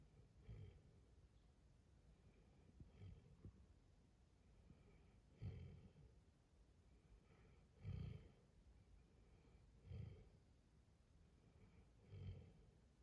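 Soft low snorting snores during sleep, repeating irregularly roughly every two to three seconds, with faint room noise.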